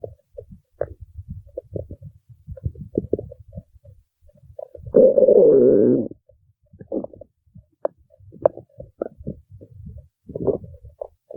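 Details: Quiet gurgles and pops with one louder, drawn-out groaning rumble partway through; ordinary stomach growling (borborygmi).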